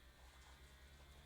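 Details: Steady low motor buzz of a GUAEVER rechargeable upper-arm automatic blood pressure monitor pumping up its arm cuff.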